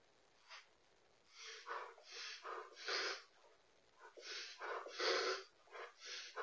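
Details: Harsh, honking dog coughs in two clusters with wheezy rasping between them, captured on a home pet camera; a cough.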